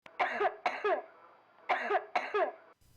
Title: Do you cough - Walpiri